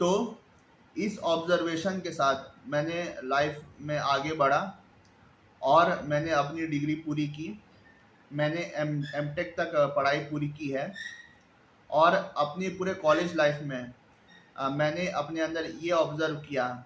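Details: Stuttering in an adult man who has stammered since childhood.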